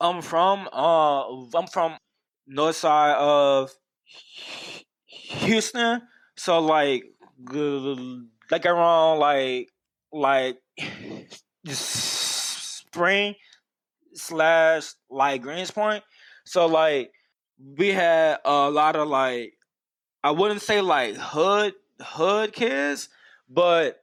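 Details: Adult man who has stuttered as long as he can remember; stuttering.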